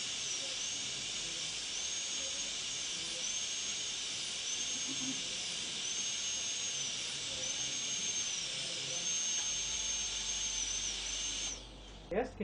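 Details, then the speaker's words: High-speed dental drill with interproximal bur running just above the gingival crest on a molar PFM crown preparation; steady high-pitched whine, pitch dipping briefly with each pass, then stopping. "so this is the ging Crest I will slat slightly above it and simply just run through and again no change in this direction"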